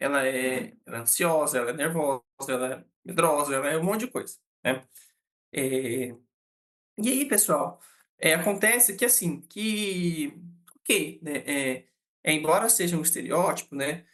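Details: Adult man, a psychologist who states he himself stutters, speaking Portuguese; real stuttering.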